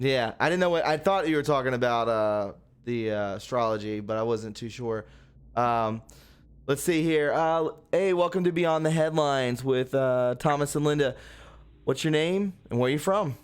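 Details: Adult man speaking; normal speech.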